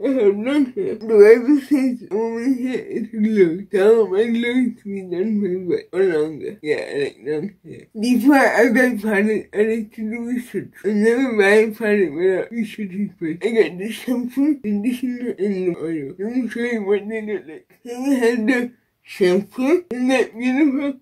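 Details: Dysarthria from cerebral palsy in an adult woman with a baclofen pump, who was previously hospitalized after a baclofen pump overdose.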